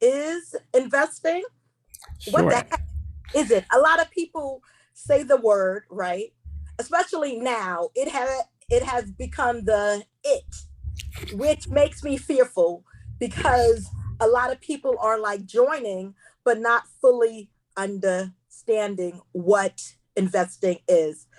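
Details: Adult woman who identifies herself as a stutterer and says she will stumble over words while hosting a seminar; stuttering.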